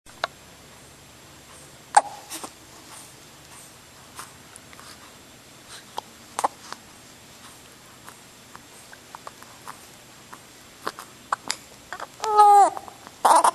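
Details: Infant during tummy time: soft, brief hiccup-like clicks recurring irregularly in a quiet room, then a short fussy vocal sound near the end; infant hiccups.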